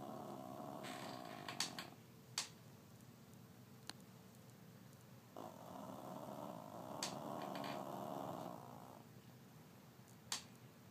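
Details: Sleeping female pet snoring: soft, drawn-out snoring breaths with a faint steady hum and occasional clicks in a quiet room.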